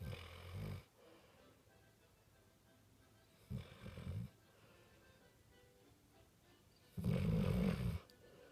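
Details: Sleeping American Staffordshire (pit bull) dog snoring with eyes open, apparently exhausted: three loud, low, rumbling snores separated by quiet pauses, faint music in background.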